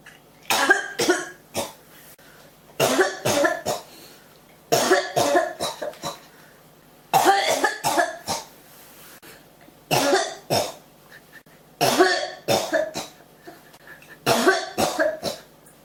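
Repeated bouts of harsh coughing, two to four coughs per bout, about eight bouts in 16 seconds; a cough that keeps coming back.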